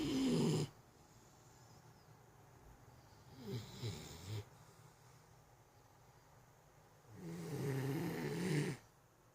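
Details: Two long, loud, rumbling snores, described as like a chainsaw, with a softer breath between them in a quiet room; snoring.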